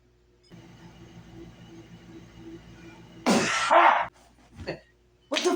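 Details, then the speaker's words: One very loud, explosive sneeze lasting almost a second in a quiet room with faint music, then a short noise and another burst starting; a roommate who sneezes very loudly every time. "you really have to sneeze that loud can't help it I don't know why I do that every time it sneeze we'll just next time cover your mouth when you sneeze"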